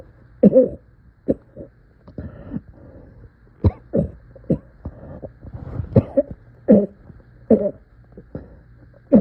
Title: Coughing in so much pain!